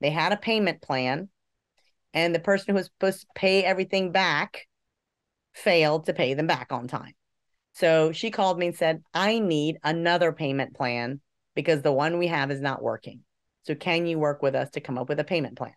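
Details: Adult speaker; ordinary speech.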